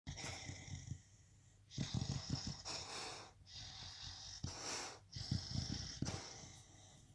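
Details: Sleeping beagle, said to be dreaming, snoring: noisy rattling snores on each breath with whistly, wheezy inhalations, about four breaths over seven seconds.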